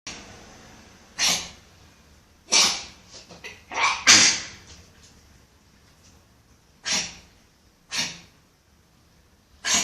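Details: Dog with kennel cough: about eight sharp, dry, harsh hacking bursts, some in quick pairs, with quiet between.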